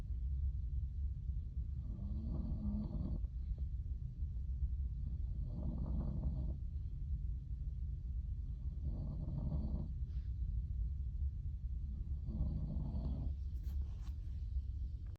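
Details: Overnight recording of a sleeper with sleep apnea who snores and gasps for breath: four regular, rough snores about every three seconds over a steady low rumble.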